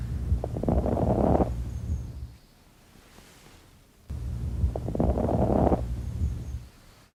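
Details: Chest auscultation by stethoscope during deep mouth breathing: two deep breaths, each with harsh, noisy inward and outward phases; abnormal breath sounds, type not identifiable.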